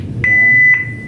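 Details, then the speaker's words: Steady high-pitched alert tone from a Philips defibrillator during a routine operational self-check after charging and delivering a test shock; no patient involved. "Setelah itu kita cas, terus kita stop. Shock telah diberikan."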